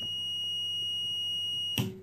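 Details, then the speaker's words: Respironics Millennium oxygen concentrator switched on while unplugged: its 9-volt-battery power-failure alarm gives a steady high-pitched electronic tone, then a clunk as it stops. "it has a 9-volt battery inside it's a power cut occurs this with scream and the patient will notice that it's a power cut"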